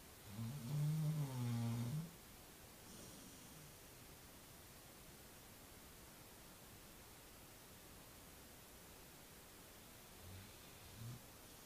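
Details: Œdipe snoring during a nap: a loud, rattling low snore lasting about two seconds, then long quiet, with a couple of faint soft snorts near the end.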